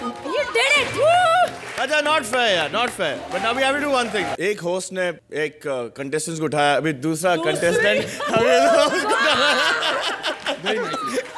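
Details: Adult speaker on a television stage; normal fluent speech.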